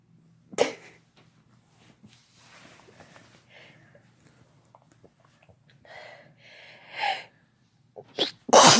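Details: Several ordinary sneezes from a female and a male adult, no talking: each a sharp burst of air and voice, with quiet room noise between them.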